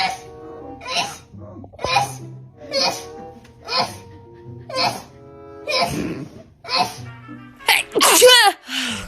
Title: Ranking Funniest Girl sneeze moment ever #shortsfeed #short #shorts